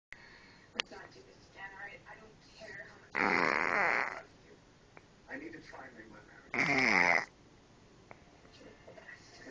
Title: Yes im cute and I snore